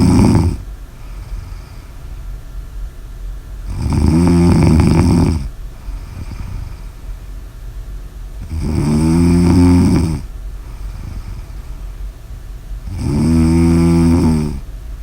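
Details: Loud, rattling snores on each in-breath, about 13 a minute, with quiet pauses between them; snoring.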